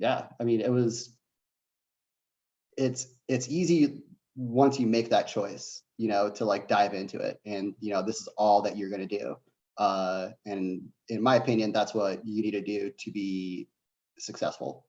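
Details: Adult man who says he has a bit of a stutter; stuttering.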